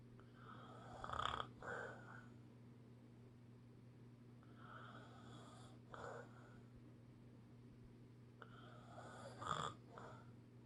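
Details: Snoring during sleep: soft, rhythmic snores with each breath over a steady low room hum.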